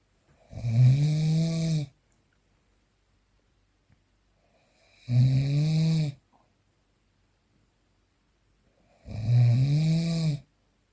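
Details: Snoring during sleep, a real analog recording without post-processing.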